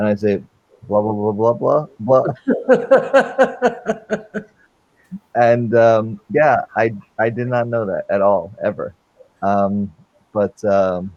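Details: Adult man with aphasia since a stroke during heart valve surgery in 2007; shortly after the stroke he could say only one or two words; non-fluent aphasia.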